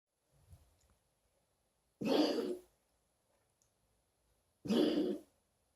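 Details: Dog's cough, recorded June 2017: a faint soft sound, then two harsh, forceful bursts a few seconds apart, each about half a second long.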